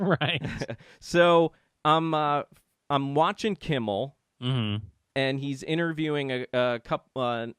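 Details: Adult man speaking; Normal speech.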